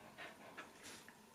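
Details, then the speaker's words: Quick, breathy open-mouth panting from a dog right after an epileptic seizure, wet muzzle, a sign the attack is ending; owner calls it a mild form; post-ictal panting. "gorąco ci tak teraz będziesz tak właśnie ziać jest cały mokry pyszczek to znak że wszystko się już kończy"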